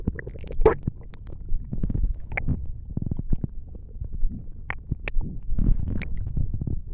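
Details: Bowel sounds (borborygmi): low gurgling and rumbling abdominal noises with irregular squeaks and pops, ordinary stomach rumbling.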